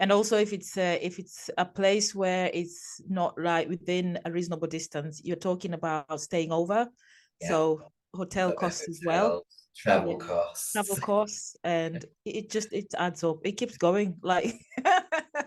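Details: Adult speaker; normal conversational speech.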